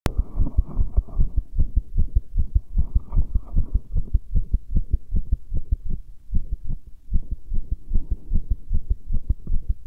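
Steady, deep thumping heartbeat at about 76 beats a minute over a low background hum.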